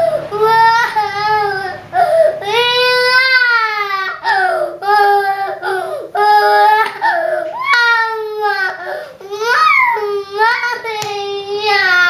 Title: Why My Baby Cry